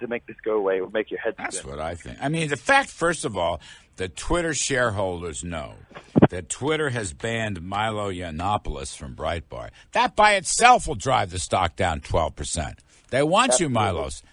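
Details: Adult male speaker; normal speech.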